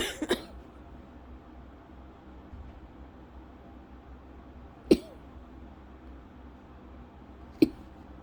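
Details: Lingering cough over a month after an illness, with constant scratchy throat, episodes about 8 times daily; a milder bout not triggering asthma cough: about four short, sharp dry coughs over several seconds.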